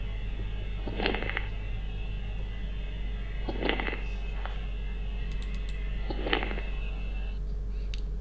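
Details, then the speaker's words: Lung crackles demonstrated during chest auscultation teaching: three breaths carry bursts of brief crackling pops over a steady low hum. "okay now what now crackles please be careful"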